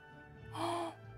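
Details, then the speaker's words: Simulation of music (Beethoven) as heard with severe hearing loss (about 70 dB or more): faint, muffled, dull music with little clarity, barely recognizable. "어떻게 고도 난청 에서는 음악이 들리는 것 같은데 정말 이게 베토벤 노래 인지 아닌지 또 불금 할 정도고 1 안들리는 이런 정도라고 보시면 될 것 같습니다"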